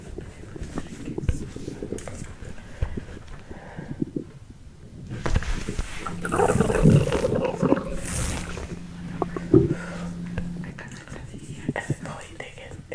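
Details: Pregnant woman after drinking a fizzy drink: loud, irregular low gurgling and rumbling from her stomach; normal active bowel sounds (borborygmi).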